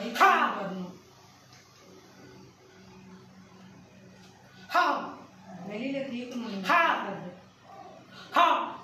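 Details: Male patient with puberphonia vocalizing during a voice treatment session, raising and lowering his arm and holding his abdomen as a clinician directs; puberphonia.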